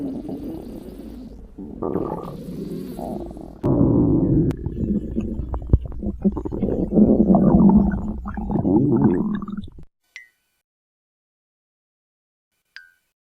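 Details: Rosie's stomach growling (borborygmi): about ten seconds of low, gurgling, rumbling growls, then near silence with two faint clicks.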